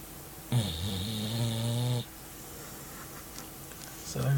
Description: Shaky,un simpatico beagle che russa come un trattore!!!